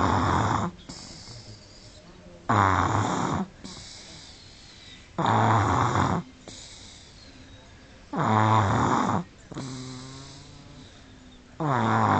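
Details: Sleeping 18-month-old toddler snoring: loud, regular snores on each breath in, about 20 a minute, with quieter breaths out between them.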